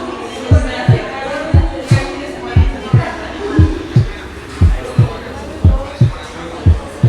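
Steady paired heart sounds at about 59 beats a minute; the second sound is single, louder and higher pitched than the first: normal heart sounds without S2 splitting.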